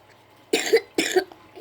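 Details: Child with a cough and cold, reading aloud: two quick, harsh coughs close together.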